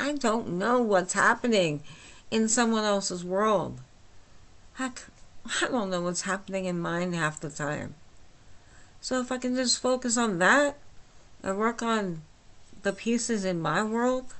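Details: Adult woman with myasthenia gravis since age 8, with talking and swallowing problems, speaking without her speech appliance, understandable but not perfectly: myasthenic dysarthria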